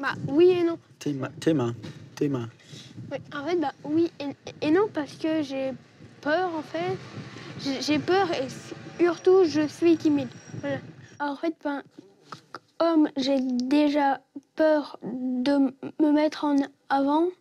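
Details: Stuttering in an 11-year-old boy who has stuttered since he was very small (about age 6); his parents have tried treatments without success so far.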